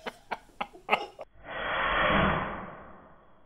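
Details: Sneezing from a dog chasing the sun's reflection off a phone: several short snorting bursts followed by a long hissing sneeze-like blast.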